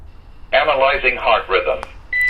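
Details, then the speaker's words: Synthetic AED voice prompt then steady tone during a training demonstration: the AED analyzing the heart rhythm after pads are placed, no one touching the patient. "the ad will analyze the heart rhythm make sure no one is touching the patient say clear in a loud voice clear"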